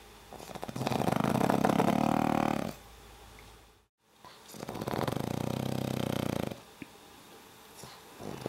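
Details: Pug snoring: two long, rough, rumbling snoring breaths with a quiet gap between them. Snoring in a flat-faced dog.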